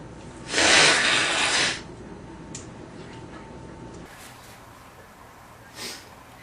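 A long hissing blast of air, like a forceful nose blow or sneeze, then a short sniff later; ordinary sneezing and nose clearing.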